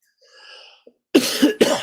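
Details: Coughing during a live stream while chatting: a faint sound, then two quick, loud, rough coughs.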